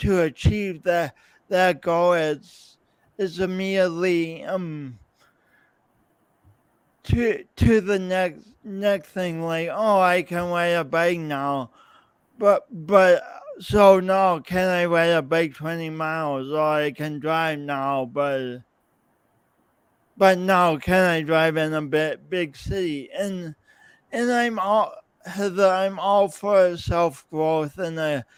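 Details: Adult man, podcast host, with his own lifelong speech impediment and coordination differences; real, not acted; speech impediment with disfluent speech.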